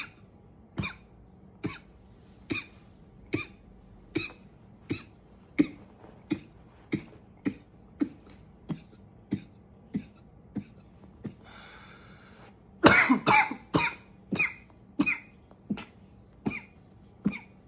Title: 9 - coughing a bit